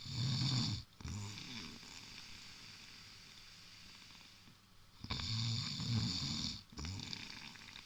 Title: Snoring giant